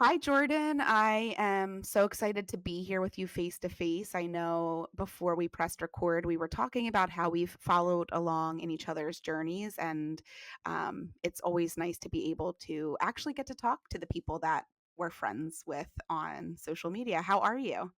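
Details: Adult woman speaking; typical speech.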